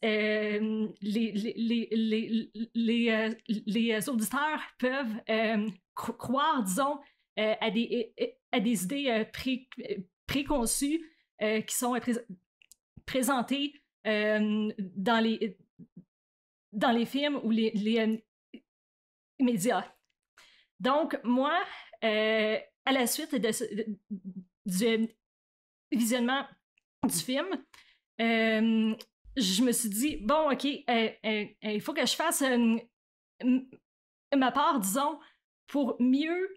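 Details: Adult woman who stutters, stuttering since about age 7 or 8; stuttering.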